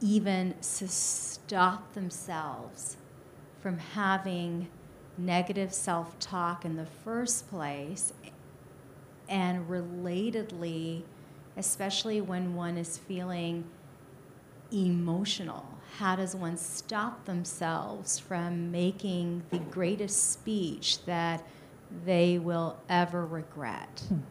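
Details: Adult audience member who reports having a stutter, asking a question during a talk; audible sound repetition: stuttering.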